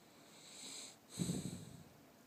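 A soft sniff followed by a short, low snorting burst through the nose.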